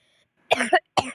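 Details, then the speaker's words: Cough from a young gamer who says he has pneumonitis: two short, harsh cough bursts, the first with a double push. "I recently got new monarus that's why you can hear me guffing let's get the cards please check it"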